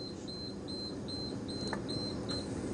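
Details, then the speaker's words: Laparoscopic CO2 insufflator high-pressure alarm, demonstrated by deliberately raising pressure above the preset level, before the machine withdraws gas: repeated short high-pitched beeps over steady room noise. "I will show you here I'm giving high pressure and it is giving the"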